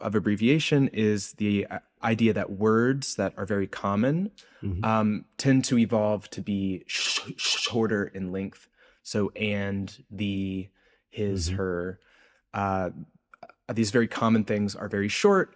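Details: Adult male researcher with a self-reported speech impediment present throughout the interview; speech impediment (stuttering-type disfluency).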